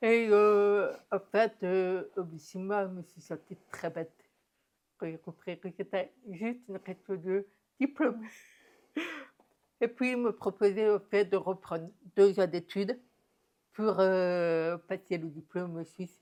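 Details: Deaf speech of a woman diagnosed deaf at 9 months, when doctors said she would never speak; she has never heard her own voice and learned to speak through about 20 years of speech therapy.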